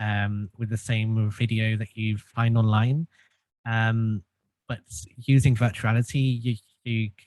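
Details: Stuttering in an adult who has stuttered since childhood and found group speech therapy helpful.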